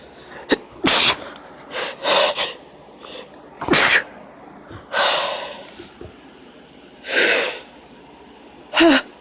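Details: Female, induced sneezing: several sharp sneezes with quick inhalations and sniffs between them over steady background noise.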